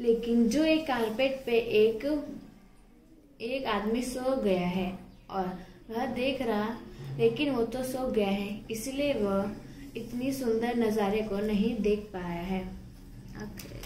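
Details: Speaker in a stammering therapy session describing a picture aloud; stuttering.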